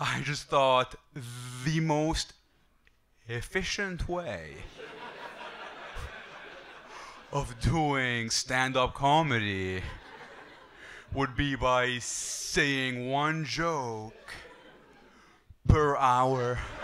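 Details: Adult male who stutters and uses a breathing technique to control it, with some words flowing and others getting stuck; stuttering.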